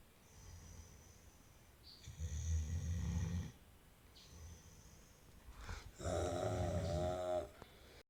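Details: Snoring during sleep: two long, low rattling snores on the in-breath, separated by quiet breathing, in a small room.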